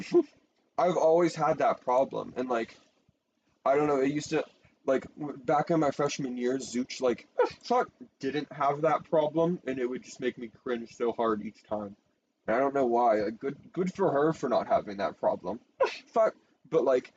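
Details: Person who says they have Tourette syndrome; frequent censored interjections likely vocal tics during ordinary speech: vocal tics (Tourette syndrome)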